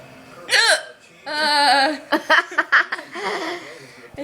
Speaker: I'm sorry trying to control my hiccup can you still hear it yeah